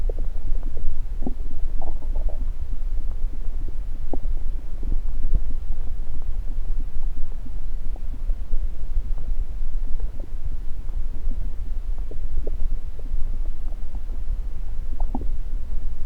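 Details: A person holds a stethoscope on various parts of their own belly. Scattered gurgles and short squeaks sound over a steady low rumble of handling noise: bowel sounds.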